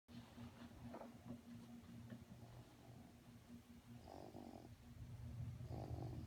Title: snoring